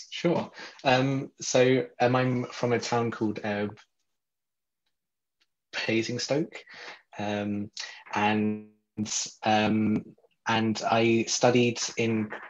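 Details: Real adult man who describes himself as a person who stutters, speaking in a podcast interview; stuttering.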